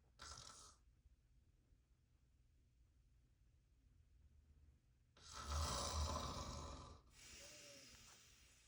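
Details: Adult man (father) asleep, recorded up close: loud, rough, low snore on the in-breath after a quiet pause, followed by a softer breath out; ordinary heavy snoring.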